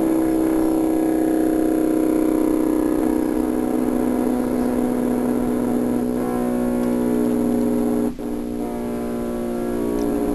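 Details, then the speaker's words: Needle EMG in myopathy, often seen in myositis: complex repetitive discharges, a steady machine-like buzz at a very regular rate that starts and ends abruptly, with the tone changing as individual fibers drop out. "They start abruptly, they end abruptly. They consist of groups of muscle fibers that are time-locked to each other and firing with a very regular rate, and has a very characteristic sound like this."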